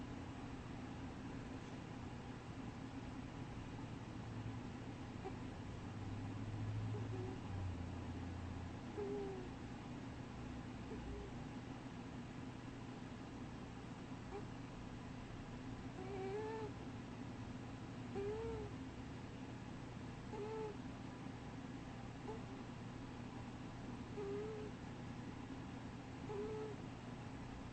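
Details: Sleeping, dreaming cat wheezing: faint, squeaky whistling sounds recur with each breath, about 29 breaths a minute.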